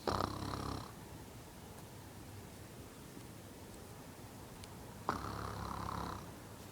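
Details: Two rough, buzzy snoring sounds about five seconds apart, with quiet breathing between them; snoring.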